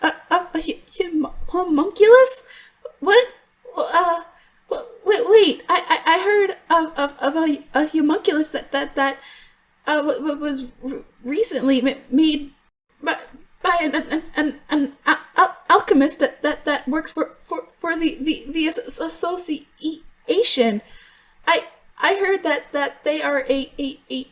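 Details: Adult woman voice actor who stutters in real life (worse when extremely stressed), performing an acted stuttering character; some stutters in the recording are genuine; in character, the stutter is called a deep-rooted psychological issue that fixes haven't cured: stuttering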